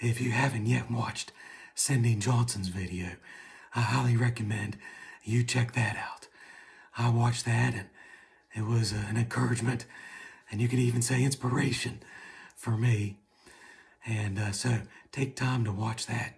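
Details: Adult man, right unilateral vocal fold paralysis from nerve injury during partial thyroid removal, about seven and a half months after onset, after two vocal fold injections and speech therapy, recorded the day before medialization laryngoplasty with arytenoid adduction; runs out of breath talking.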